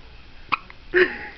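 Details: Baby girl with hiccups: a sudden sharp hiccup, then a short voiced sound with a catch, over faint room noise; hiccups.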